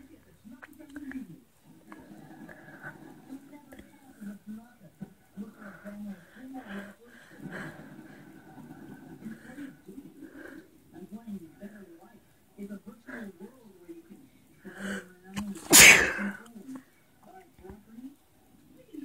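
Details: Single loud, explosive sneeze near the end after soft talking, performed deliberately as part of a requested sneezing series ("sneezing on a picture frame"); sneeze.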